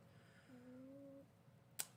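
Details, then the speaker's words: Dog with legs getting better, wheezing a little: faint, steady musical whistle under a second, mild wheeze. "I don't know if you'll hear him, but he is wheezing a little."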